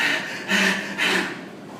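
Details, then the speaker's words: Imitated central neurogenic hyperventilation in a comatose patient: rapid, deep, noisy breaths in quick succession, audible from a distance, indicating high midbrain (mesencephalic) dysfunction. "Podemos tener una hiperventilación neurogénica central. Ustedes de lejos se escucha, el paciente hace esto."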